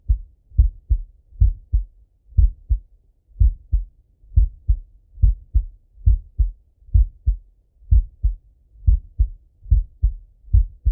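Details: Male heartbeat auscultated with stethoscope while lying on his left side: steady paired lub-dub heart sounds at about 70 beats a minute, no added sounds, normal heartbeat.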